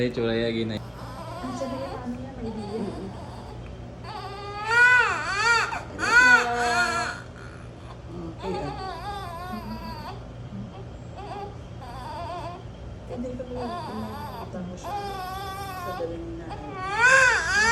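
Bursts of strong, high-pitched newborn crying with rising and falling wails, some adult voices and room noise in the background.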